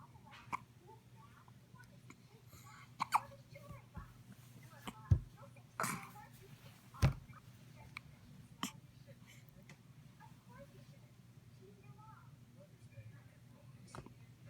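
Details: Newborn baby girl on her hospital release day: several short, sharp hiccups at irregular intervals, about six in fifteen seconds, over quiet room noise. Hiccups.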